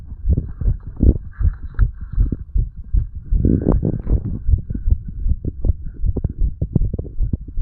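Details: Heartbeat recording of a 35-year-old under the influence of medical marijuana and tobacco: rapid, fairly regular low thumps, with some rustling and handling noise over the beats.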